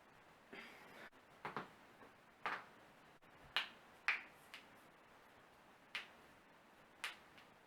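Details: Night-time self-performed joint cracking by a non-chiropractor: nine or ten sharp pops at uneven intervals in a quiet room.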